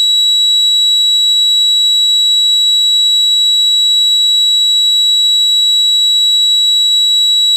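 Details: Tinnitus simulation.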